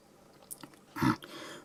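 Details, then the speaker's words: Brief, low, gravelly throat clear from an adult with a lot of phlegm, clearing the throat while speaking. "And I do have a lot of phlegm, by the way, that's why you'll hear that. It's horrible, I know, but if I am to keep speaking, I guess you'll have to grin and bear it."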